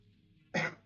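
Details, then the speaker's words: Single short, rough throat clear or cough from a hoarse adult who says they are under the weather, over a low room hum. "And forgive me if I sound a bit hoarse. I am a little under the weather right now."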